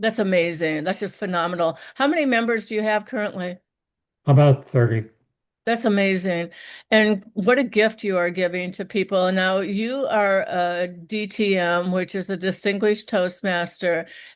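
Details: Two adult women in conversation; conversational speech.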